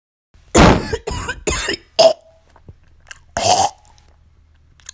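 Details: Acted sound effect of a sick girl's wet productive cough: five harsh, throaty coughs with gagging and a phlegm-like rattle.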